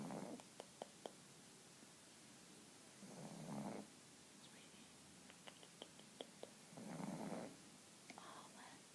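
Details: Pug sleeping soundly, snoring softly with snorts about every four seconds, light clicks and room noise between.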